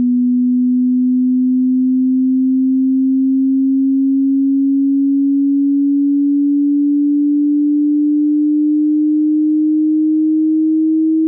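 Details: Hearing test played through headphones: a steady pure tone rising slowly in pitch, pulsing gently every few seconds.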